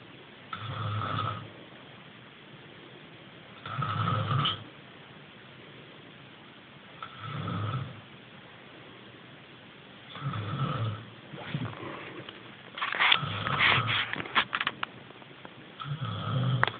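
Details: Man snoring: loud, low rattling snores at roughly 20 per minute, with quiet pauses between breaths.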